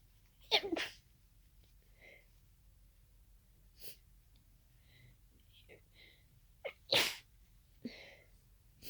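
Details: Adult's sudden sneezing fit of unknown cause after nasal irritation for about an hour, becoming congested toward the end; allergy medication was taken. Several forceful sneezes come in quick succession, with sniffs and quiet breaths between them.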